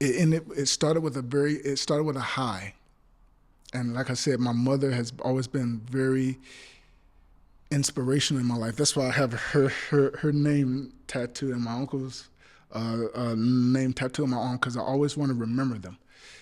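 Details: Adult male actor with stuttering since childhood that still persists, including on the phone and in person; stuttering.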